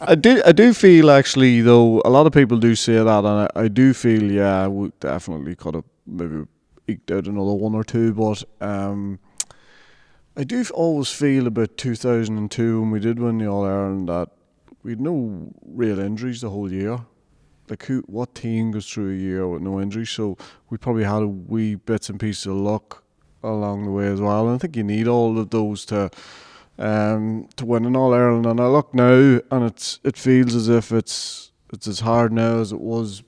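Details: Adult male speaker; normal speech.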